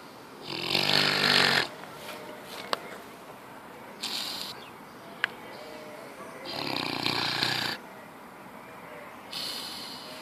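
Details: Sleeping pig: loud, rough snoring with long, harsh inhaled snores and quieter pauses between, about six breaths a minute; snoring.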